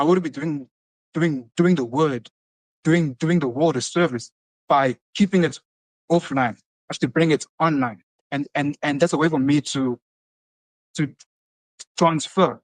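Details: Adult motivational speaker who stutters, heard in conversation; stuttering with word repetitions.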